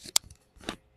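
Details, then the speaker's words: Adult man having bonesetting spinal manipulation for low back pain, told to inhale, then exhale: sharp, brief cracking pops from his back; joint cavitation during spinal manipulation. "Inhale ka lang. Lumagutok na. Exhale."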